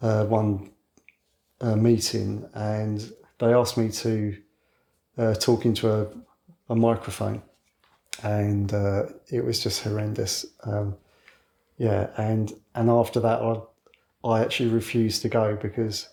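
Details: 61-year-old man who has stammered since childhood and now mostly hides it (covert stammering), so overt disfluency may be infrequent; stuttering (stammering).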